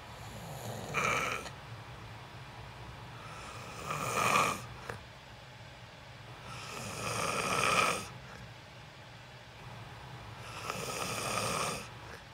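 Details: Adult sleeping during a recorded sleep stream, snoring loudly: loud, rough snores with each breath, about 18 a minute, with quiet pauses between them.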